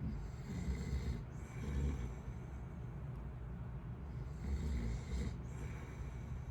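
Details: Adult man (father) asleep on vacation: deep, rumbling snores on breaths in, two in about six seconds, with a steady background vehicle drone; snoring.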